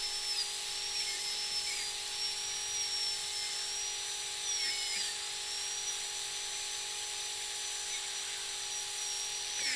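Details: High-speed dental drill on a surgical extraction training simulator: continuous high-pitched whine while sectioning a three-rooted tooth into three single-root fragments for separate removal.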